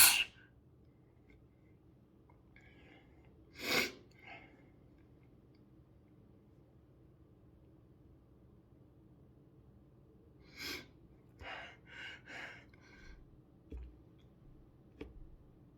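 Two brief, sharp bursts of expelled air with soft breathing and sniffs between, in a quiet room; consistent with sneezes.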